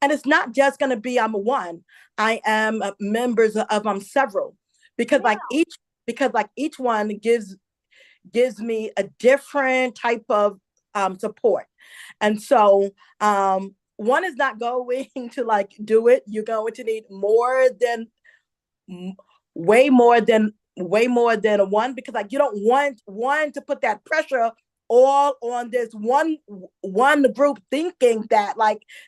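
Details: Adult woman, a self-identified stutterer who stuttered a lot as a child and also reports a traumatic brain injury from a 2012 accident; real stuttering with word and part-word repetitions.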